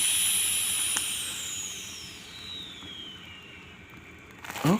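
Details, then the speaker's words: Mindray patient monitor NIBP module under repair for an airway pressure error (cuff inflates but pressure won't release); during a manual cuff inflation test, a loud hissing rush of air escapes as the bag is pressed, fading over seconds. "have to inflate manually the calf and we'll see if does okay started and here we have the bag so as you can see here as I press the bag air will come out in this"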